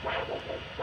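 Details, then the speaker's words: Handheld Doppler over a foot artery, demonstrating foot blood supply in the context of diabetic vasculopathy: brief rhythmic whooshing of pulsatile arterial blood flow. "can you hear this artery pulsating this is the sound of the artery the blood supply which goes from here this way as i showed you in the diagram and then goes right to the foot"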